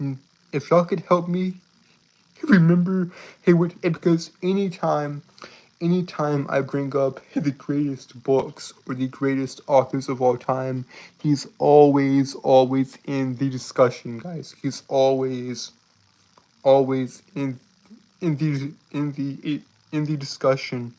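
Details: Stuttering in a male streamer with a self-reported speech impediment that makes him stutter and trip over his words; this stretch has repeated phrases.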